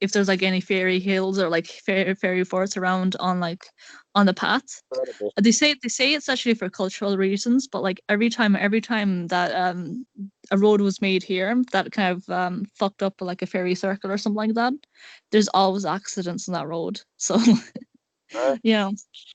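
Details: Male speaker who describes himself as having an awful stutter; stuttering.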